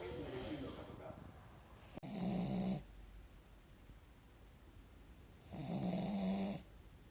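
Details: Sleeping Cavalier King Charles Spaniel snoring: two buzzy, rattling inspiratory snores with quiet breathing between them.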